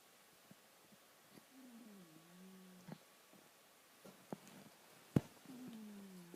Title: My Cat Snoring at night haha